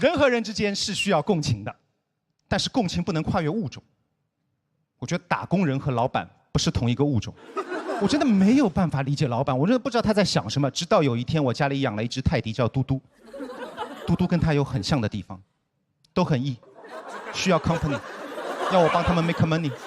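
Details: Adult male stand-up comedian on stage; normal speech.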